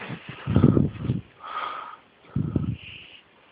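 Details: An infant snores loudly, with coarse, rumbling breaths on inhaling and a softer whistling sound on breathing out: snoring.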